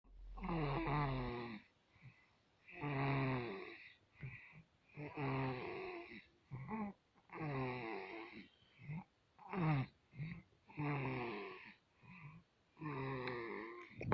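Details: Baby snoring during sleep: repeated voiced, rumbling noises with breaths, about one every two seconds, in a quiet room.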